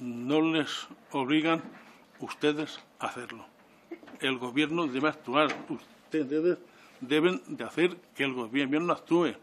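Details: Adult man who stutters, speaking publicly in person before a parliamentary disability commission; he says stuttering makes him take longer to say things than to think them; stuttering.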